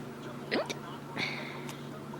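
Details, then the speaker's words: Real, not faked, hiccups in a person who gets them often, with bouts lasting from 10 minutes to 2 hours: two abrupt, brief hiccups, each a sharp catch of breath with a short voiced squeak. "guys I got bored so I I made a video of me having hiccups not faking actually hiccups I get hiccups a lot a"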